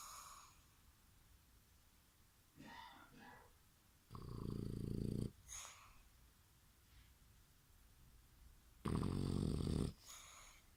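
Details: A sleeping dog gives loud, rumbling snores on the in-breath, with softer snuffling sounds between them: snoring.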